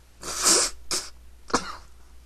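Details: Person prompted to sneeze again; three sharp, hissing bursts of air in quick succession, the first the loudest: a run of sneezes.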